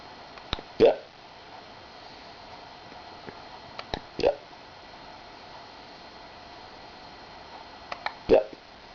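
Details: Hiccups: three abrupt, short voiced hiccups about every three to four seconds, each with a faint catch before it, over steady room hum.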